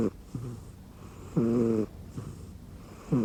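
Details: Snoring in a sleeping rescue cat resting on an arm pillow under a futon: soft nasal snorts with a brief squeaky whistle on breathing, harmless.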